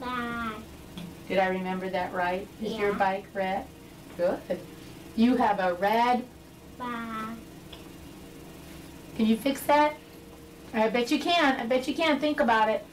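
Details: Adult woman speaking to a child; normal adult speech.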